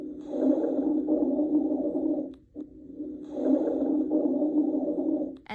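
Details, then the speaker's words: Rhonchi: low-pitched, deep, continuous snoring-like sounds with each breath, which often clear with coughing. "ronai think of a rhino they make low pitched deep sounds this one is continuous too but often clears with coughing"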